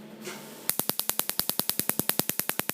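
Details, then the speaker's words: Sharp, loud snapping clicks at ten shots per second from a Cynosure Affinity Q-switched Nd:YAG laser firing during tattoo removal, breaking up red and black ink. "it is a loud uh treatment as well it has an acoustic effect when the laser works so um hopefully you'll be able to hear me talking over it but it is loud"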